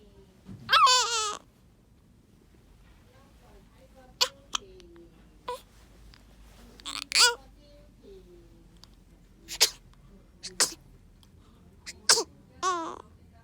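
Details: Four-day-old newborn baby hiccuping, brief, sharp catching sounds every few seconds between small fussy cries.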